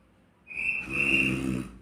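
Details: A single drawn-out snore with a rough, buzzing low rattle and a high whistling edge on the breath.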